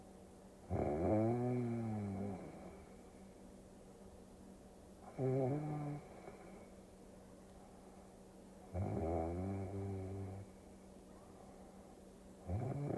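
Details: Snoring-sound ASMR for sleep, set over a Tokyo driving scene: loud rattling snores on each inspiration, about 16 per minute, with quiet gaps between, over a low background hum; ordinary snoring.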